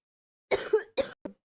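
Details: Three short coughs in a quick run, the last one small, in a quiet room, from a person still sick who has been coughing a lot all day; coughing during an illness.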